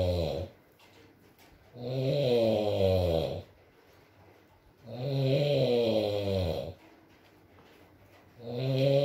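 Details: An adult man (boyfriend) snoring while asleep, recorded as ASMR with rain and mumbles: loud, rattling snores on each breath in, about three in nine seconds, with quiet pauses between; ordinary snoring.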